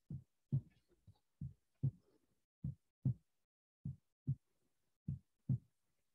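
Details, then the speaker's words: Heart sound recording, teaching demonstration: regular, clear lub-dub at about 50 a minute, first sound slightly longer, second shorter and drier: normal heart sounds S1 and S2. "esse primeiro som ele é um som normal então vocês vão captar presença de assim um e presença de PS2"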